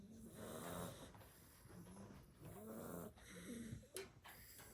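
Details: Seven-week-old blue Staffordshire bull terrier puppies sleeping after two hours of play at a puppy party: soft, rhythmic snoring with low rumbling breaths, some with a slight whistling edge.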